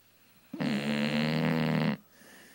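A single long, loud, buzzing snore lasting over a second, followed by quiet; dog snoring during sleep.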